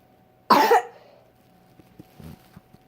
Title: Coughing